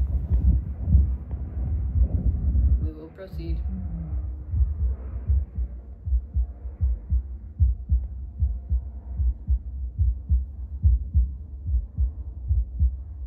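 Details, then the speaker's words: Adult's own heartbeat at baseline before espresso, heard via a Bluetooth Littmann CORE stethoscope played through a speaker; app reads about 75 bpm: steady, regular normal heart sounds after some handling noise. "Okay, so I'm hanging around 75 beats per minute. This app is cool because it tells you like your beats per minute."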